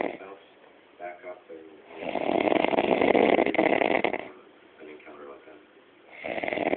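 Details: Loud, rough, rattling snores with quiet breaths between and faint talk in the room, louder and longer than before; snoring.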